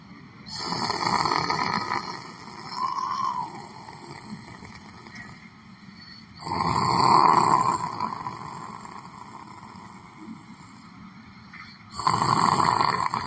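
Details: Person sitting on a chair at a library, sleeping: three long, rough, noisy breaths about five seconds apart in a quiet room; snoring.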